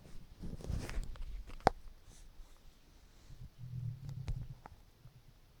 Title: hungry stomach rumbling with water